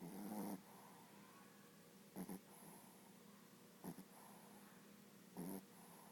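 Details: Sleeping dog snoring: short rumbling snorts about every one and a half seconds over a steady room hum.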